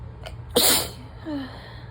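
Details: Adult just woken up in the morning in early fall, with asthma: a brief intake sound, then one sharp hissing sneeze.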